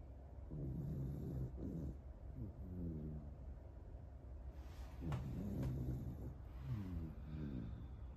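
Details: American Cocker Spaniel snoring while fast asleep after lots of play.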